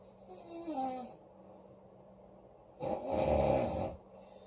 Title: Loud girl snoring August 9 2017